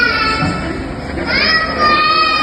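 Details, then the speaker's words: Steady mechanical whine with shifting pitch from a cough assist device via mask, triggered by the patient's breathing pattern, delivering positive pressure then adding vibration, followed by an inspiratory hold; oscillation. "فايبريشن تمام بس تمام دخل لك بوست بريشر وبدا يعمل الفايبريشن تمام"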